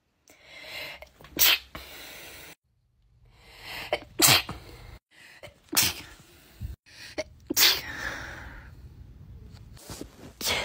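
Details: Four sharp, explosive sneezes, some with a quick breath drawn in beforehand, separated by short pauses, in a short edited compilation of sneezing clips: repeated sneezing.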